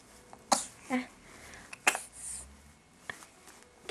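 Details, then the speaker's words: Infant, smiling before and after, gives two brief, sharp, dry pretend coughs with soft voiced sounds between: a playful voluntary cough. "Kayak batuk pura-pura. Kayak batuk pura-pura. Iya, batuk pura-pura itu."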